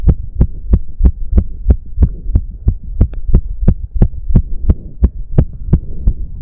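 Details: Male heartbeat during an intense cardio workout of about 15 minutes, with heavy breathing. Loud, rapid, regular thumping at roughly 175 beats a minute; he reports close to 200 bpm. Exercise-induced sinus tachycardia.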